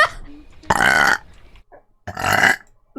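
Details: Female streamer belching, attributed to swallowed air: two loud, rough burps about a second apart, each roughly half a second long.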